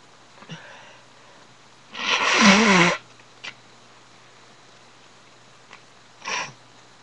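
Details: A person with a cold struggles to sneeze: a brief sniff, then a loud voiced gasping build-up and a short breathy burst, a sneeze attempt.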